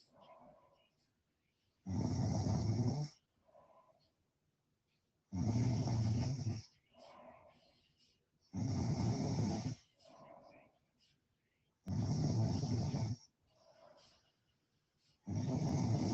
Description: snoring stream how embarrassing